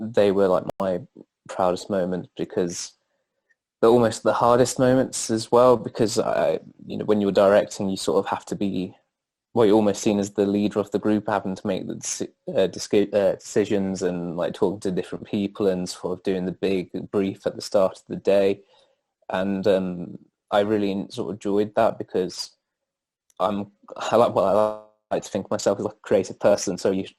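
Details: Adult male students' union president who stammers; stuttering.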